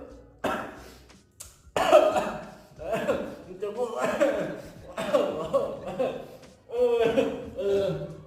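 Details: Repeated forceful coughs with throat clearing and gasping between bursts, a coughing fit while eating sushi with wasabi during a mukbang; cough from spicy-food irritation.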